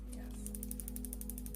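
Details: Focused shockwave therapy (Piezowave) on the wrist extensors for pinky-side wrist and hand pain, with the patient reporting bearable discomfort: a steady run of faint, high ticking pulses, roughly ten per second, over a low steady hum.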